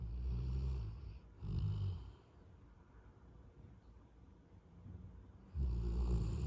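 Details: Sleeping Golden Retriever snoring: deep, low rumbling snores on inhalation, about three breaths with quiet pauses between.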